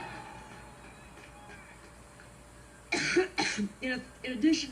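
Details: A woman's coughing fit during a speech: about three seconds of quiet room noise, then four harsh, partly voiced cough bursts in quick succession.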